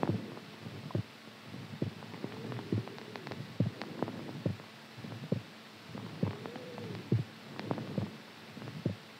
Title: HEARTBEAT SOUND SLEEPING STRONG